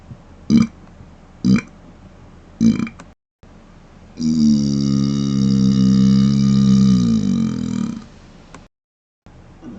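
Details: Closed-mouth burps: three short, low belches, then one long, low rumbling belch lasting about four seconds.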